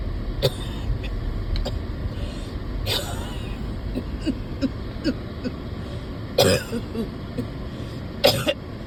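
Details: A few short coughs and throat clearing over a low engine-like rumble from a person who gets winded walking even to the car, not improving.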